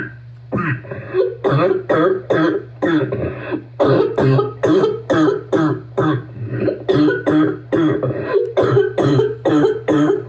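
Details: Adult with rapid, harsh, deep barking bursts of coughing, a pattern seen with asthma and bronchitis; barking cough.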